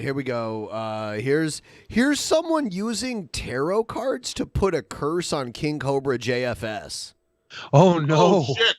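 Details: Adult man speaking; ordinary speech.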